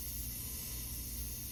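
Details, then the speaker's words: A suction machine is switched on before tracheostomy suctioning during a nurse's trach care competency demonstration, giving a steady hiss with a low motor rumble. "And then I'm going to turn on. It's going to get a little loud here."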